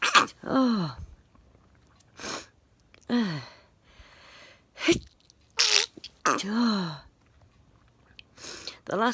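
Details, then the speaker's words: Person who has had a lot of sneezing over recent days: a run of about six sharp, explosive sneezes, several with a voiced falling 'choo', separated by brief pauses and breaths. Sneezing. "few days i've had a lot of sneezing and the videos you're getting on youtube now are from maybe a week ago a few days yes ago"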